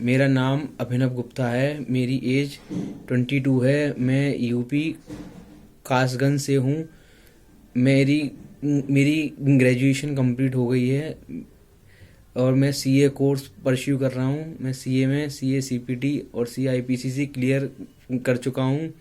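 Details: 22-year-old Hindi-speaking male who has stammered since childhood, possibly recorded before fluency training; stuttering.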